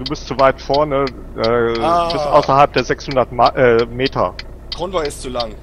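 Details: Adult male speaker; normal voice.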